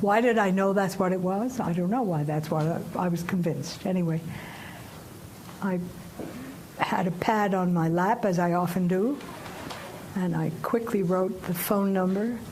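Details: 89-year-old female poet recovering from aphasia caused by a stroke; aphasia after stroke.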